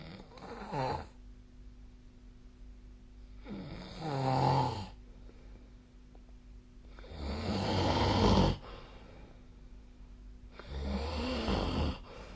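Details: Snoring during sleep, recorded 2024/12/22, apparently with the SnoreLab app; deep, rumbling snores on each breath in, about 16 breaths a minute, with a low room hum between.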